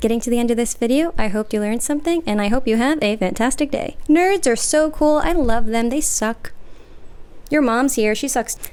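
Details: Complex vocal tics, including swearing tics (coprolalia), in an adult with Tourette syndrome.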